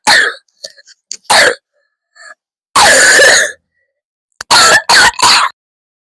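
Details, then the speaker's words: Adult coughing hard enough to cry, second bout of the day: several short, harsh coughs and throat-clearing bursts with one longer rasping cough; repeated cough. "I'm literally crying cuz of how hard I coughed. Second one of the day."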